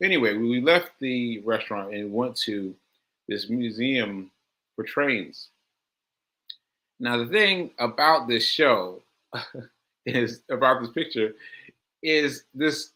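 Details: Man with aphasia, a language disorder affecting his ability to communicate, about six months into recovery since onset in July; finding: aphasia.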